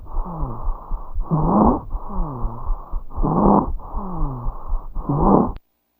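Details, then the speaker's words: Teaching recording of stridor: harsh, labored, painful-sounding breaths with a loud high-pitched noise, heard more on expiration than inspiration; upper airway obstruction. "a see how you could hear it more on expiration than inspiration and you see the urgency the the the the labored breathing the it just sounds painful"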